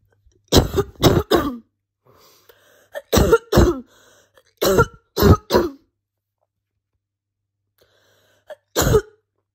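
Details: Adult with a morning chesty, barking cough: four bursts of two or three harsh, barking coughs each, with quiet breaths between.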